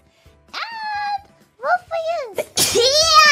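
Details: Person with a cough, sneezing three times: high, squeaky voiced sounds building to quick breathy sneeze bursts ending in a drawn-out cry; series of sneezes.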